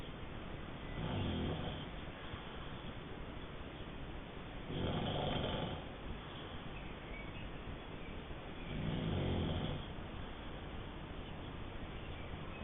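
Three low, rumbling snores about four seconds apart, roughly 15 breaths a minute, over steady background hiss: ordinary snoring during sleep.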